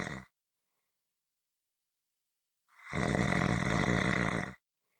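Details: One loud, harsh, rattling snore lasting about two seconds after a silent pause; snoring.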